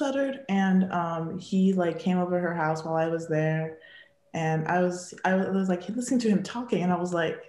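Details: Young woman who has stuttered since childhood, a teen advisory council member, speaking spontaneously; stuttering.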